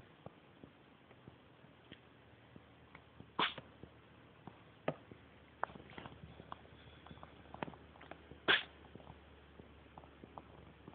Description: My cat Mimer was sneezing for about 10 min, wouldn't have lasted that long if he hadn't fought every single sneeze.